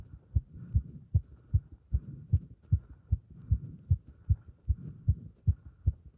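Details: Heart sounds recorded with pressure on the chest during squats: regular, strong low thumps at about 150 beats a minute; a fast heartbeat from exertion.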